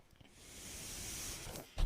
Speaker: noise you're hearing is my ventilator and welcome to page turners